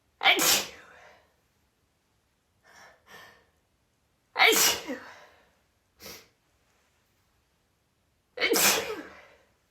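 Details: Sudden out-of-the-blue sneezing fit, recorded after about five sneezes had already occurred: three strong sneezes with two or three softer ones between, in quick succession.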